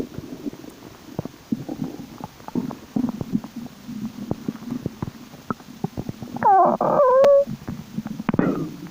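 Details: Bowel sounds (borborygmi): frequent gurgles, pops and clicks from the belly, with louder squealing rumbles near the end.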